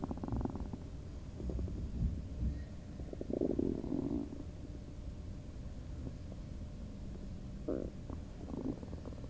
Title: Bubble guts?! LOL highly requested stomach noise video-sorry about all the other noises in the back